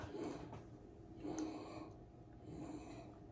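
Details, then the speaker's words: Snoring from a sleeping female dog in the background, noted as a habitual snorer, heard while people taste homemade plant-based milk. "snoring i wonder if they could hear that this dog is a snorer it sounds like she was having a problems over there"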